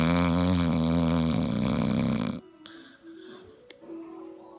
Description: OMG... my dog snores soooo loud!